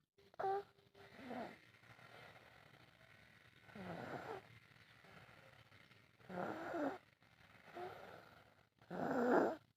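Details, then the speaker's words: Young child napping in the afternoon in a quiet room: soft, breathy snores with each breath, about 24 a minute; ordinary light snoring. "तो जनाब finally जो है वो मैं सो के उठ गई हूँ और आप के जो है वो खर्राटे सुन सकते हैं। तो ज़रा सुनते हैं इनके खर्राटे।"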